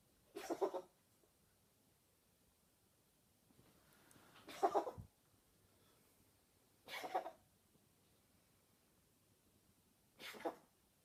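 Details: Cat adopted a week earlier with a nightly coughing fit of about a minute and a half, whole body shaking: four short, harsh cough bursts a few seconds apart in a quiet room; owner wonders if it is cat asthma.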